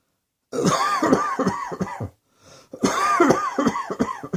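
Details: Two rapid runs of harsh, throaty coughs with a short breath between them; repeated coughing fits.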